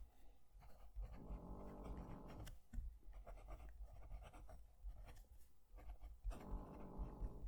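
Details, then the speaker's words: Dog snoring in the background while a fountain pen writes near the microphone. "I'm going to move the mic down to the page so you can hear the pen write, and hopefully you'll be able to hear it over the dog snoring."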